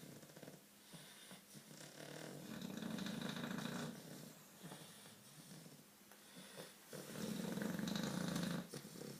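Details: Two sleeping English bulldogs snoring very loudly, with fluttering snores on each breath in.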